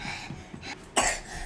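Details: Cough from a man, after which someone tells him to cover his mouth and asks if he is okay.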